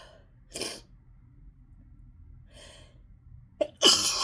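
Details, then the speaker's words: At work, having a sneezing fit after being sneezy all morning in rainy weather, trigger unknown; talking worsens it: three sharp, explosive sneezes in about four seconds, the last with a quick preceding inhale. "I don't even want to talk, because every time I try to talk, it just gets worse. Oh my god, you guys, I am I'm a mess."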